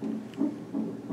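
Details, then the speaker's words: Fetal heartbeat on a labour-ward monitor during labour in a 21-year-old mother: rapid rhythmic whooshing pulses at roughly 160 beats per minute, a normal fetal heart rate. "I'm like all hooked up to the monitors and stuff and you can hear her heartbeat"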